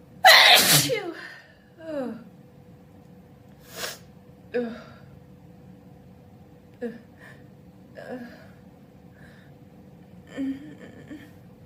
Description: I sneeze loudly and openly in this video. I have the house alone and show off some vocalized sneezes. They are all wet open sneezes, but I do have a handkerchief by my side to help mop up any mess.